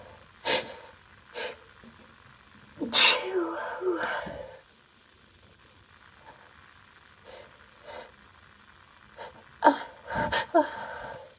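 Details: Female, mostly stifled sneezes: a series of sharp bursts, a louder sneeze with a breathy build-up, then several quick sneezes near the end.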